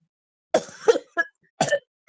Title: Gangguan Batuk Yang Teruk Tak Keluarkan Kahak Dan Kerap Sakit2 Sendi Selepas Rawatan di HOSP